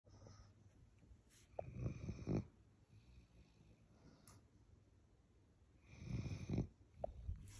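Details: Basset hounds sleeping, a female and a male: two low, rough, rumbling breaths with quiet gaps and faint room noise; snoring.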